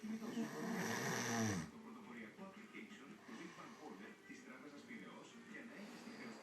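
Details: Snoring: one loud rattling snore in the first seconds, then softer noisy breathing with some background noise.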